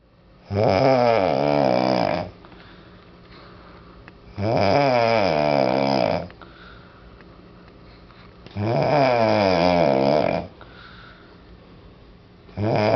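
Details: Adult snoring: regular loud, buzzing, rattling snores on each in-breath, about 15 breaths a minute, quiet between.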